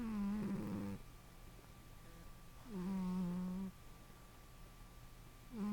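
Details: Cat sleeping on a couch; soft, even, buzzy sounds on each breath, about two to three seconds apart, beginning around 0:40; light snoring.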